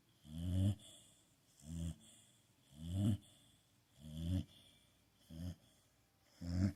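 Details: Regular low, rumbling snores about 25 a minute, each on the in-breath with quiet pauses between, from a sleeping blue pitbull; ordinary snoring.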